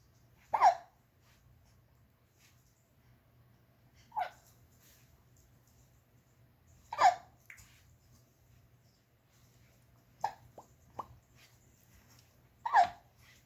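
Repeated sharp, brief hiccup sounds, about six over thirteen seconds at irregular intervals, in a quiet room; hiccups.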